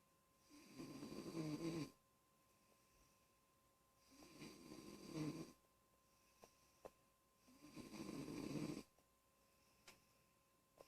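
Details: A child snoring: three rough, rattling inward breaths about every three and a half seconds, roughly 17 a minute; steady snoring.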